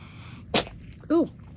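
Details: Cat: a single sharp, explosive sneeze, followed by a short vocal sound in the background.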